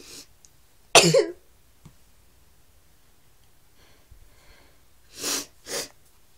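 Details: Person who reports feeling unwell: one loud explosive sneeze or cough burst, then after a pause two shorter harsh coughs in a small quiet room; sneezing and coughing.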